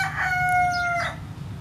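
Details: Sick white hen, also sneezing, possibly affected by recent heavy rains: thin, drawn-out whistling squeak then a short breathy burst, a wheeze from poultry respiratory illness.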